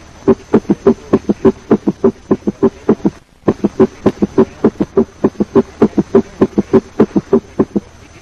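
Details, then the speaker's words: Summation gallop at a rapid heart rate, as in left ventricular failure: atrial contraction and rapid ventricular filling sounds superimpose into a single large diastolic sound. "Thus, S3 flips into a single large sound, producing a summation sound and a summation gallop."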